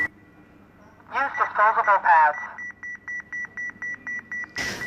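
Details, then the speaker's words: Defibrillator demonstration with the dial turned to AED mode instead of monitor, no adhesive pads attached: a synthetic voice prompt over a steady tone, then regular short beeps at about four per second; automated AED voice prompting. "if you turn it to aed it will start prompting you assuming availability of adhesive pads as follows"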